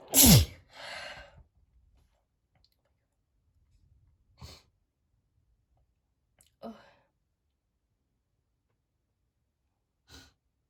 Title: Big, wet perfume sneezes